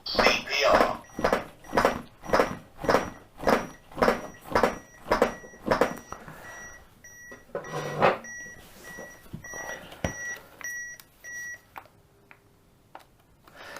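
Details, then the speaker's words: CPR training demonstration with an automated external defibrillator (AED): shock advised and delivered, then steady metronome pulses about 110 per minute and repeating beeps prompting rescuers to continue chest compressions. "Shock advised. Now, if he said that a shock is advised, we we need to tell everyone to clear clear out of the patient."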